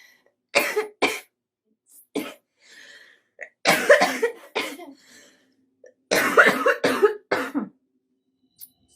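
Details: Morning coughing fit: about eight harsh, forceful coughs in close clusters.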